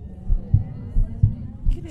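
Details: Japanese woman's heartbeat recorded on a TV show, described as strong and clean: clear, regular paired heart thumps at about 85 beats a minute with no extra sounds; normal heart sounds.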